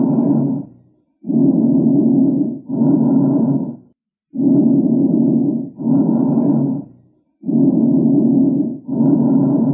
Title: Lung sound | Bronchial Breath Sounds #chestexamination #lungs #sound